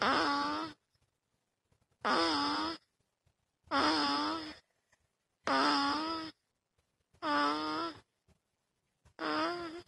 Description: My grand daughter who is 3 weeks old, snoring. It was too adorable that I could not resist recording....enjoy the sound of a happy baby.